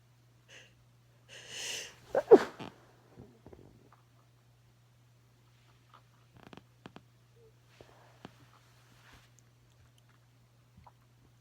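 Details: A sharp in-breath followed by one forceful explosive sneeze, then quiet with faint small sounds and a low steady hum in the background.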